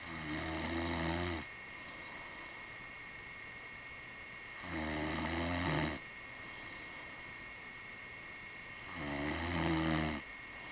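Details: A man snoring: three loud, rough, rattling snores on the in-breath, about 14 breaths a minute, with quiet out-breaths and a steady room hum.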